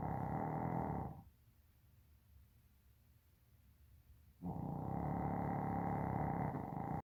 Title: 세상에 이런일이) 코고는 소리 끝판왕 snoring sound